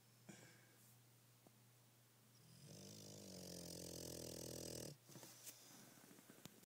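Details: Bulldog snoring while asleep: a long, low, rumbling snore on an in-breath over quiet room noise.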